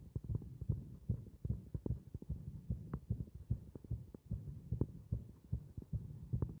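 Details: Muffled, low thumping heartbeats with a somewhat uneven rhythm over soft background noise, from a heart beating against compression.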